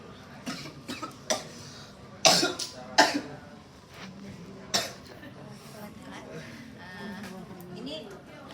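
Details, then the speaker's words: Several short, sharp coughs in a quiet room, a cough response during a paediatric progressive muscular dystrophy (DMP) exercise lecture/demonstration, followed by faint talk. "dan dia batuk kan saya enggak suka batuk i kan responnya batuk"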